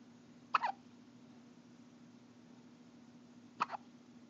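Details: Two abrupt, brief hiccup sounds about three seconds apart over a steady low hum, recorded on an Android phone.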